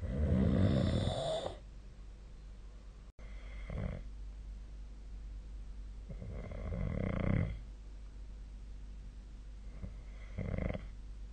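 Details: Low, rumbling snores recurring every few seconds with quieter breaths between, in a small quiet room; snoring during sleep.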